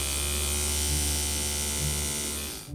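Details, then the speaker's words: Steady electric buzzing hum, likened to a power toothbrush, from the suction device of a liposuction cannula drawing fat from an adult man into a container, real procedure. "into this container here which is basically attached to a suction device it's I suppose it's akin to a power toothbrush"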